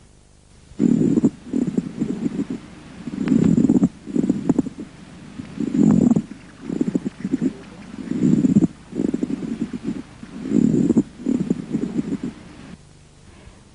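Harsh, dry, creaking bursts in both inspiration and expiration, about 24 breaths a minute: a pleural friction rub.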